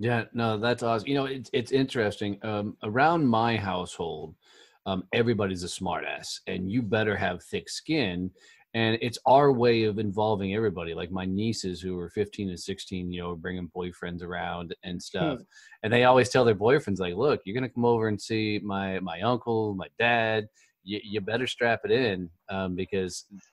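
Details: Adult man; typical speech.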